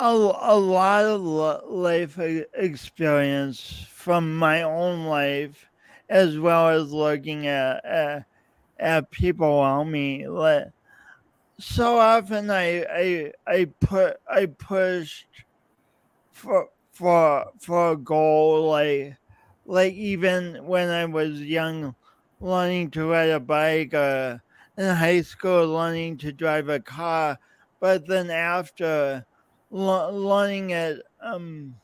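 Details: Man's real, lifelong speech impediment with coordination differences, self-described; speech impediment with disfluencies.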